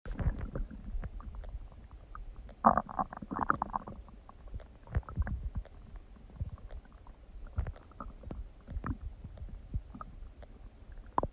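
Loud, irregular gurgling and rumbling from the abdomen: ordinary bowel sounds as gas and fluid move through the gut.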